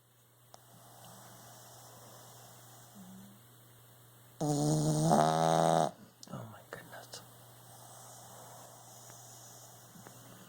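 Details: Sleeping puppy, described as a heavy sleeper, snoring: one loud, rough, buzzing snore lasting about a second and a half, with quiet room noise; owner jokes it needs a CPAP machine.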